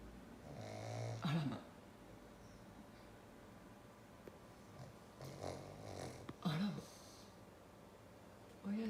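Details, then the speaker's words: Black pug, a flat-nosed breed, snoring while awake with eyes wide open: irregular snorting, snuffling bursts against quiet room noise; noisy breathing typical of short-nosed dogs. "お目目ばっちり開けてさ、いびきかいてんのね。お花ぺっちゃんこだからしょうがないよね。"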